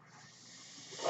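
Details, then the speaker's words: Speaker's own home mechanical ventilator, heard while they talk: a soft airy hiss that swells toward the end as the ventilator delivers a breath. "Hello everyone, that noise you hear is my ventilator."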